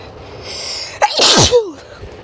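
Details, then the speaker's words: A natural, untickled sneeze from a person with allergies: a quick indrawn breath, then a sharp, forceful sneeze, with steady rain noise in the background. "I need And these are natural sneezes. I did not tickle my nose at all. These are just natural sneezes."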